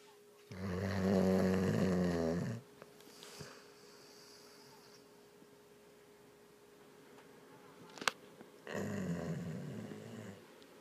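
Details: Sleeping dog snoring like an old man: two loud, deep, rattling, strikingly human-like snores with a quiet pause between.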